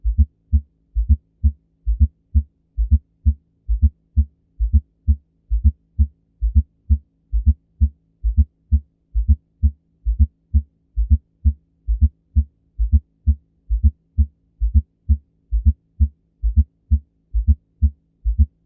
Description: The S4 heart sound (aka an "atrial gallop") is heard late in diastole, occurring during the atrial filling phase and coincides with the p-wave on an electrocardiogram (atrial systole).